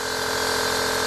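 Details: A continuous buzzing pump hum with fine, rapid pulsing from a nebulizer compressor running during a home inhalation treatment for a child with a viral illness and cough, who is told to sit upright.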